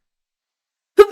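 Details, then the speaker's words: Adult's sneeze muffled by a covered mouth: after a second of silence, a single sudden, voiced, muffled burst cut short at the end, which the sneezer calls an old man sneeze. "Oh no, I didn't mute in time. I sneezed. Oh, I hate that."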